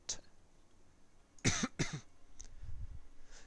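Two short, harsh cough bursts in quick succession against quiet room noise; a dry cough attributed to allergies.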